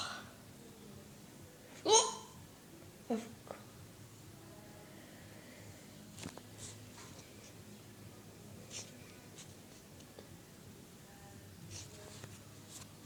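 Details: Person who often gets loud, odd-sounding hiccups, sometimes with slight vomiting ('Peh'): two sudden sharp hiccups about a second apart, then quiet room noise.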